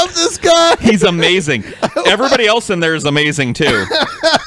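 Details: Adult man speaking; Normal speech.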